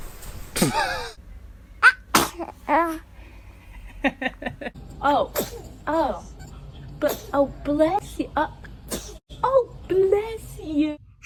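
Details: Several short, sharp bursts of breath with small vocal sounds between them; a run of baby sneezes.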